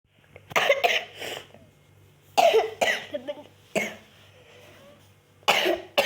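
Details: Child gives four separate harsh cough bursts, some in quick doubles, with a faint steady room hum between; plain cough.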